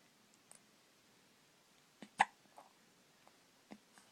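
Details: Baby with hiccups: a few short, sharp hiccups at irregular intervals in a quiet room.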